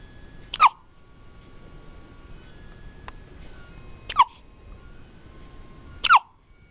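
Three sharp, brief gulping hiccups about three seconds apart over faint background tones; recurrent hiccups.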